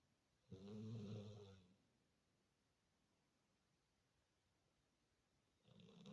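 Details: Dog snoring: a sleeping dog snoring loudly.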